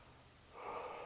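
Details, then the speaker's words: Normal breath sounds heard anteriorly at about the fifth intercostal space over the right middle lobe, comparing sides during a nurse's lung auscultation demonstration on a patient. "then we'll just go a little bit down maybe the fifth intercostal space just still assessing that middle lobe and I go over here and compare"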